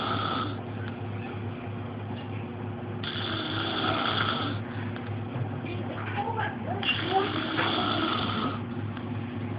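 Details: Sister asleep and snoring: two long, rough, noisy breaths about four seconds apart over a steady low hum and faint room noise.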